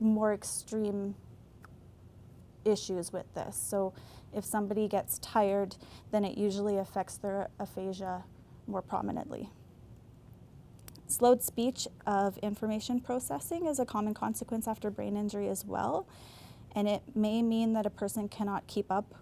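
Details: Adult woman speaking; normal speech.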